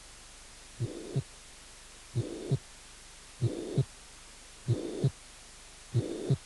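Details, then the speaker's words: Mitral regurgitation with soft pansystolic murmur filling the gap between first and second sounds, regular rhythm about 48 a minute. "insuficiencia mitral con soplos funk sistólico suave"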